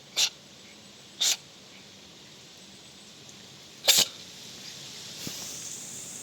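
Three short, sharp, hissy sneezes from a cat, the last a quick double burst, over quiet room noise.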